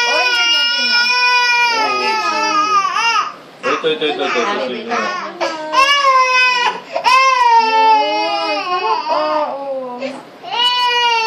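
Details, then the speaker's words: Young child crying in pain: loud, high-pitched sobbing cries with gasping breaths between them during ear cleaning and examination with warm water and a little betadine, left ear; the doctor thinks there may be an infection, causing the pain. "Palagay ko may infection yun. Kaya nasaktan."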